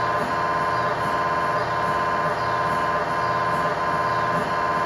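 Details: MRI scanner noise recorded inside the scan room of a GE 1.5T or 3T MRI system running a sequence: steady loud electronic buzzing with fast, regular rhythmic pulsing.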